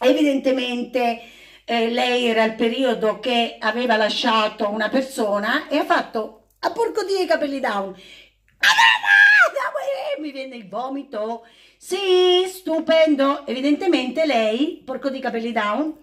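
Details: Involuntary vocal tics, including repeated phrases, from a woman with Tourette syndrome, interrupting her spoken account.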